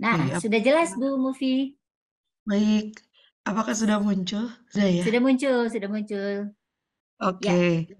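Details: Adult woman speaking Indonesian; ordinary speech.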